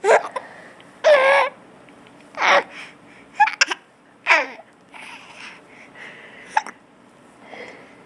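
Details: Infant with hiccups while laughing: repeated short voiced catches, irregular, about 50 a minute, mixed with laughter and babble.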